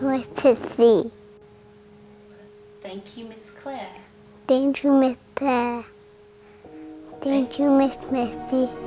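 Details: Young girl with childhood apraxia of speech, a motor planning disorder, plus whole-body dyspraxia, with feeding difficulties from birth and missed communication milestones; receiving early-intervention speech and occupational therapy and improving; childhood apraxia of speech.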